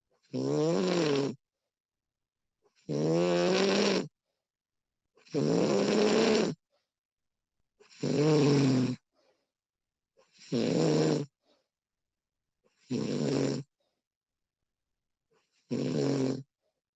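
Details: Woman snoring during sleep, recorded with professional audio: regular snores with a rough, vibrating tone, about 24 a minute, with quiet pauses between breaths.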